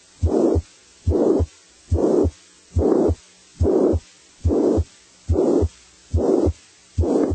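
Steady heartbeat about 71 a minute with a loud blowing murmur filling each systole between the heart sounds; a high-pitched murmur.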